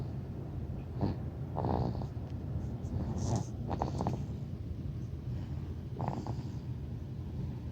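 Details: A sleeping cat snoring, with soft, rough snorting snores on each breath over a low steady rumble.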